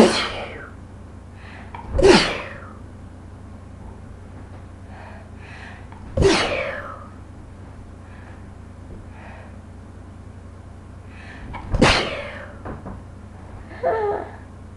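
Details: Bout of repeated sneezing from a person who couldn't stop sneezing: four forceful sneezes a few seconds apart with quick breaths in between, over steady room hum.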